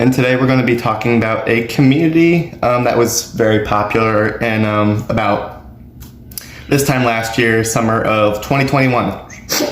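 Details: Man with Tourette syndrome diagnosed the year before, with vocal tics during speech that he says are triggered a lot by talking about Tourette's; vocal tic (Tourette syndrome).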